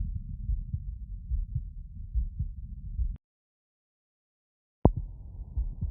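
Quick, regular low heart thumps over the aortic area after exertion, a normal faster rhythm, with a brief silent gap.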